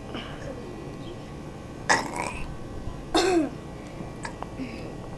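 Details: Two loud, drawn-out throaty burps over a steady background hiss; burping.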